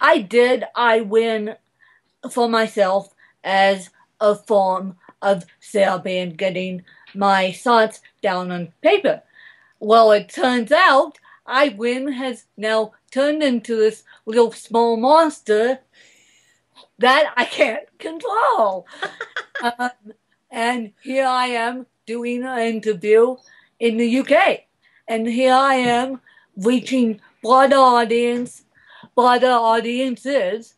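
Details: Adult woman born in 1987 with cerebral palsy from a birth injury, usually lack of oxygen; she reports a slight speech impediment that has improved over the years; the finding is dysarthria due to cerebral palsy.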